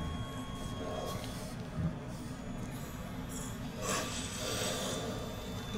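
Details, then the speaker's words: Short bursts of wet, hissing suction over steady low room noise as secretions are cleared through a tracheostomy in a patient with a weak cough, after peak cough flow measurement: airway suctioning. "so I'm just gonna go down to give you a quick little suction here okay"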